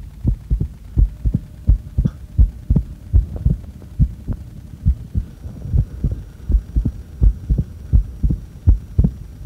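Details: Regular low thumping heartbeat at about 80 a minute with no breath noise, recorded while the breath is held; normal heart sounds.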